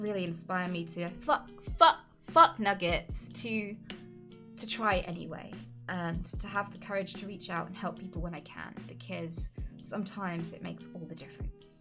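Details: Woman with Tourette's syndrome, recorded live while streaming; involuntary vocal tics with sudden swearing and word substitutions interrupting her speech; real, not acted; vocal tics (Tourette syndrome).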